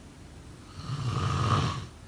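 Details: A single low, rough snore that swells and fades over about a second: snoring during sleep.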